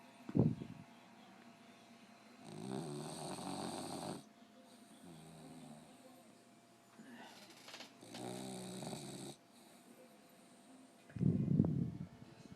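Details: 1-year-old puggle, very tired, asleep in owner's lap: rattling snores on the in-breaths with quieter breathing between; snoring.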